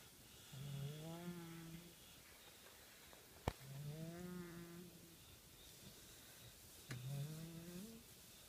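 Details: Man snoring while asleep face-down during a nap: three long, rattling, buzzy snores on the in-breath, about 19 breaths a minute, with quiet pauses between; ordinary snoring.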